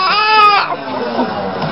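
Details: Infant being fed who would not burp; a brief, loud wailing cry that trails off into softer fussing, with TV sports commentary in the background.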